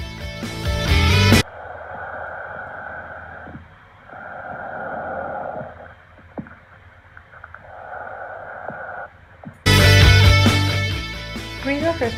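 Loud, hollow, harsh breath sounds in repeated cycles with brief pauses between them, framed by music: bronchial breath sounds, a taught normal lung sound.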